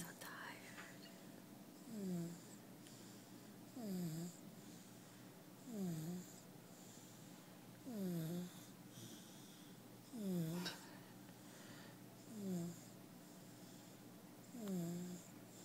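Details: A very tired sleeping female snoring: regular snores with a whistling, falling tone, about 27 a minute, over steady room hum.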